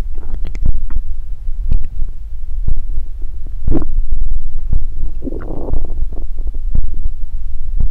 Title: [BODY ASMR] !요청폭주! 꼬르륵소리 stomach growling sound | 요즘 tmi 대방출 | 꼬북베개 사용후기